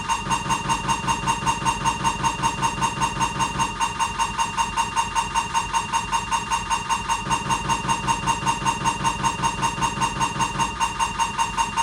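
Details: Siemens MAGNETOM Lumina 3 T MRI scanner during an abdominal diffusion-weighted sequence: rapid, regular loud buzzing pulses at about 150 a minute with a steady tone.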